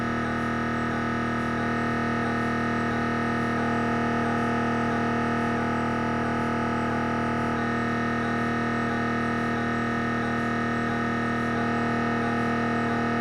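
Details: Siemens Magnetom Avanto MRI head scan: loud, continuous buzzing drone with fast, regular knocking gradient pulses.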